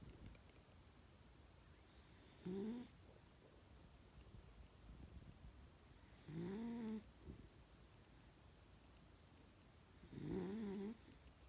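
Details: Sleeping dog snoring: three loud, brief snorting snores with a whistling, rising pitch, about 15 a minute, over quiet room noise.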